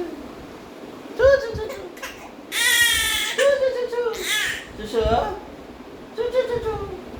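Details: Baby girl crying while playing with her father: bursts of wailing cry with short pauses between them, in a small room.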